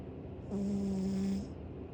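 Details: Foster cat asleep: a single drawn-out, whistling, tonal snore lasting about one second; cat snoring.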